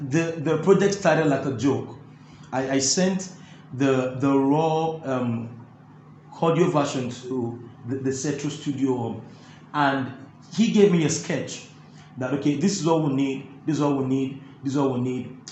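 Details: Adult male with stuttering (stammering) that makes talking difficult and is absent when singing; the interviewer notes he stammers a bit; stuttering.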